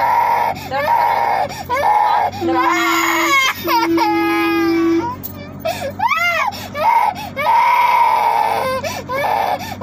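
A baby cries in loud, wailing bursts with rising and falling pitch and some whimpering between them, in a small room.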